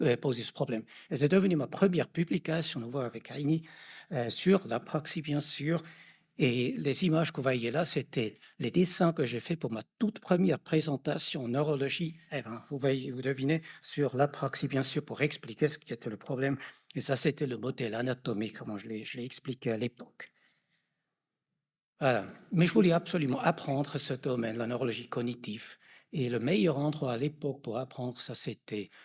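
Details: Adult male lecturer; normal speech.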